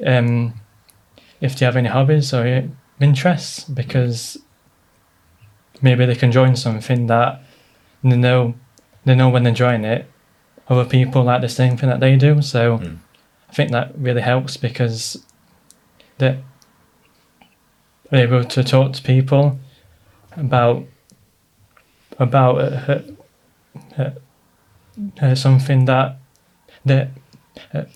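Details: Adult man with a stammer since childhood, treated with speech therapy, worsened by stress and nerves; stuttering.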